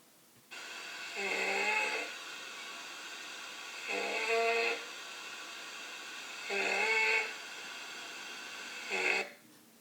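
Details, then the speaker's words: Stridor signalling upper airway obstruction from airway swelling in anaphylaxis: four harsh, high-pitched, musical noisy breaths, usually inspiratory. "We also listen for stridor that signals upper airway obstruction. It can sound something like this."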